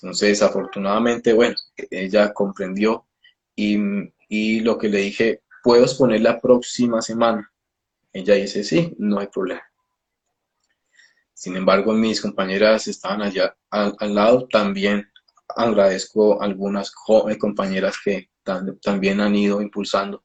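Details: Stuttering that began at age 13, in an adult Colombian speech-language therapist who founded a stuttering foundation; part-word and word repetitions are audible.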